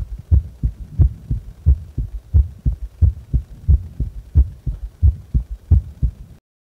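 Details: Heart sounds recorded against the chest during and after a breath-hold: regular low lub-dub beats at about 88 per minute.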